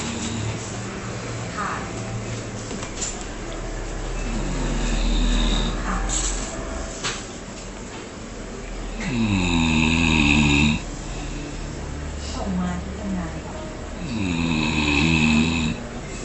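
Rough, rattling snores recur about every five seconds, roughly 12 a minute, over steady room noise.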